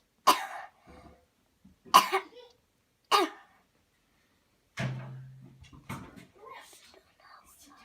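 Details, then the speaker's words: Voluntary cough: on command after deep breaths, three sharp, forceful coughs, then a brief voiced sound and quiet talk. "Here we go. Breathe in deep, deep, deep, cough."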